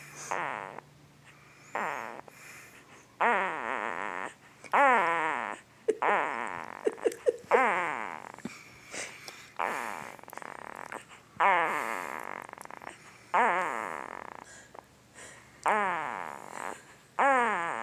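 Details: A 2-week-old newborn boy, hard asleep, makes about ten squeaky, pitched grunts with each breath out, separated by quiet breathing: newborn sleep grunting and snoring.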